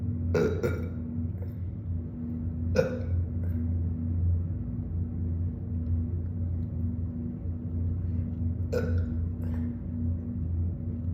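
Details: Deep burping montage: three short, deep belches over a steady low hum; ordinary burping.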